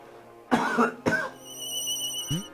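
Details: Adult man's cough while narrating gameplay: two short, harsh coughs in quick succession over background game music.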